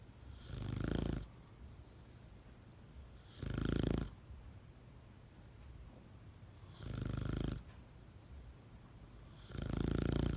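Four loud, rough, low snores about every three seconds, near 20 a minute, with quiet breathing between them: snoring.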